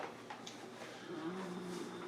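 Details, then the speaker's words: A low, droning, slightly tonal snore from a bulldog sleeping under the camera in a kitchen, rising in the second half, with quiet indoor room noise; dog snoring. "So if you hear the snoring in the background, it's the bulldog, because it seems whenever we work in the kitchen and turn the camera on, the bulldog decides he's going to lay down under the camera and go take a snooze."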